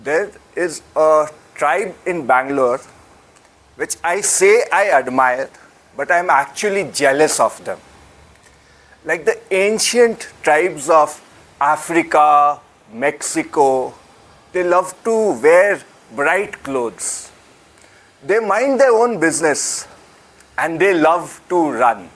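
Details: Adult man speaking; normal speech.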